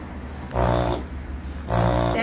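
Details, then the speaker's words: Loud, rapid snorting inhalations through the nose from a dog, like a goose honking, as the dog forcibly inhales against a narrowed airway: reverse sneezing. "so reverse sneezing sounds like the dog is actually inhaling their sneezes hence the name reverse sneezing it's such a loud snorting noise"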